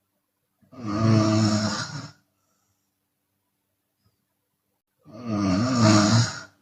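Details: Two long, loud, vibrating open-mouth snores separated by silence, from a Chinese woman during sleep; she sometimes snores on exhaling.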